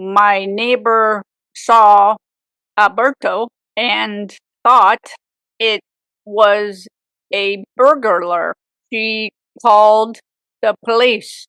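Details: Woman with aphasia for 18 years after a severe stroke at age 44; aphasia.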